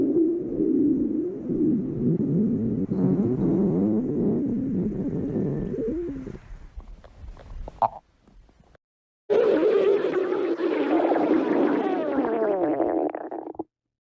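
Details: Long gurgling, rumbling stomach growls with rising and falling squeaky tones; normal digestive stomach growling (borborygmi).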